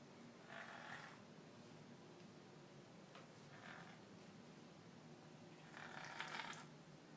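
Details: Quiet snoring: soft, breathy rasping bursts on breathing against steady room noise.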